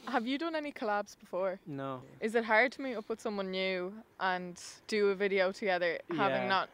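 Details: Adult woman; typical speech.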